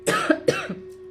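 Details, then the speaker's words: Adult woman with a bad cough: two short, harsh, moist-sounding coughs in quick succession over a faint steady musical tone; cough. "मेरी आवाज़ को ignore करना यार, मुझे बहुत खांसी हो रही है।"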